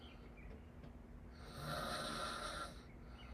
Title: Me mouth opening of Snores.